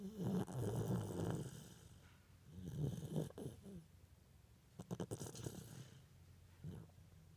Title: Baby snore